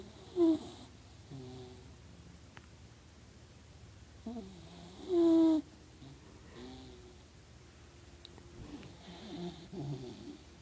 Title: My Dog Snores